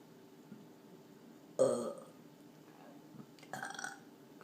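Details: Person burping, recorded 7/15/14: two separate belches, a loud one then a softer one, in a quiet room; ordinary burping.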